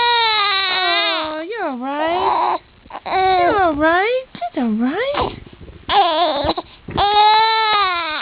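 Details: One-month-old baby girl, after a sneeze, cries in repeated wavering wails with short gasping pauses between them: infant cry after a sneeze.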